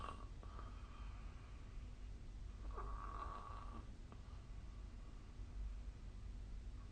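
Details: Snoring during sleep recorded on 2024/12/25 with the SnoreLab snoring app.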